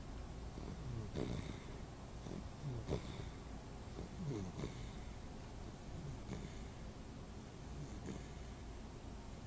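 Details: Soft, low, rumbling breaths repeating irregularly under steady room noise; quiet snoring during sleep.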